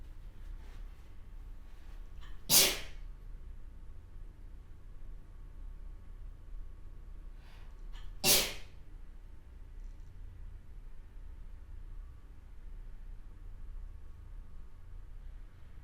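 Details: Two short, sharp sneezes about six seconds apart against quiet room noise; sneezing.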